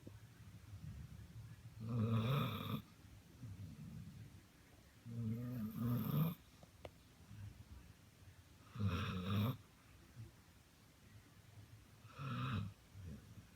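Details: Loud rattling snores, one with each breath in, about 19 breaths a minute, with quieter breathing between; ordinary snoring in a sleeping dog.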